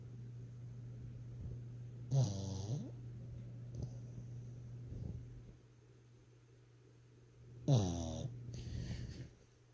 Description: My pug snores so hard! LOL